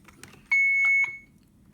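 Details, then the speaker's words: Single steady high beep from a pediatric Alaris infusion pump in a demonstration, an alarm triggered because the chamber door was left open while loading tubing. "I'm going to close the door and that's what it was a long before cuz the door was open"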